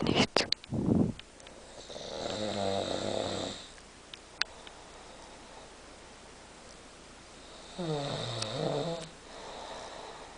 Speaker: Und schon wieder. Und so ganze Nacht.